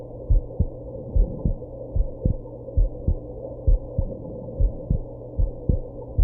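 Steady paired low heart thumps at about 70 a minute, with occasional extra jolts from hiccups.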